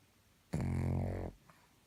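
A single low, rattling, buzzy breath noise lasting under a second in a quiet room, typical of one snore.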